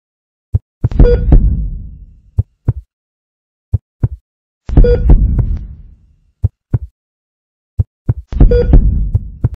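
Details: Simulated hospital heart monitor sound effect made for video editing: a repeating cycle of low heartbeat-like thumps and a ringing tone about every four seconds; cardiac monitor beeping.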